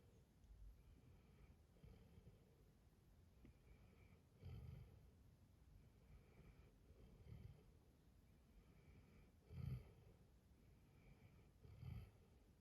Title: Just another cute video of Panda the Dalmatian snoring peacefully